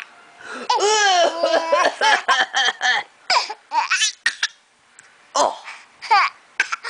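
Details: Young boy copying his aunt while laughing: high, bubbly giggles broken by several short, breathy forced coughs; an imitated, playful cough.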